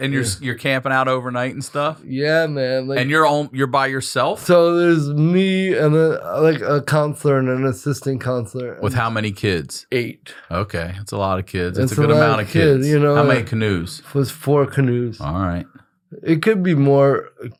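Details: Two adult men in conversation; conversational speech.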